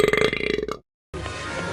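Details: Burping scene from a movie: a short, loud, voiced belch with a rapid rattling pulse, cut off abruptly and followed by background music; a burp.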